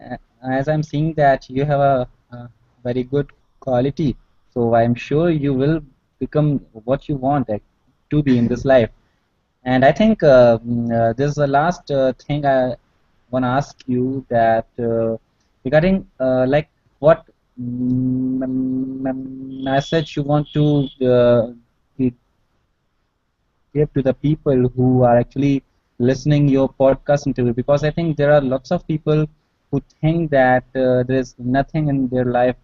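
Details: Male college student from Delhi who stammers with blocks, especially on his own name; blocks have reduced greatly through practice, self-help groups and brief speech therapy; stuttering.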